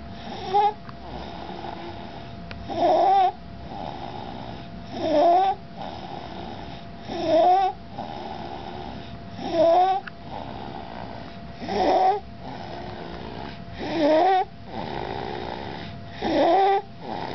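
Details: Stridor at night in a sleeping toddler: harsh, high-pitched crowing noise on each inspiration, about 27 breaths a minute.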